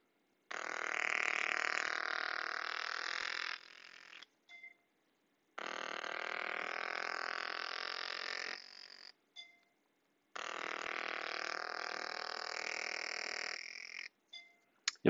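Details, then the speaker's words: Three runs of rapid buzzing impulses, each about three seconds, from a PulStar handheld instrument in myofascial mode at 15 pounds, worked along the sole from heel to big toe to treat plantar fasciitis. "so for the plantar fasciitis I'm going to come right in here and I'm just gonna work along those muscles all the way up from the heel up to that first big toe"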